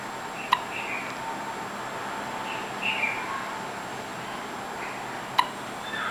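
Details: Two sharp, brief hiccups about five seconds apart in a quiet room; ordinary hiccups.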